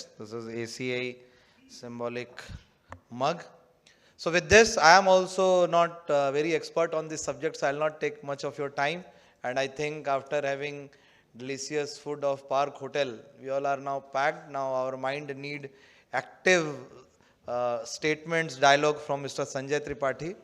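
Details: Adult male speaker; Normal speech.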